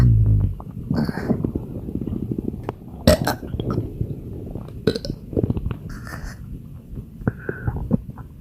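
Long, low, rumbling belches running into one another, with faint music and clinks behind: repeated belching with bloating.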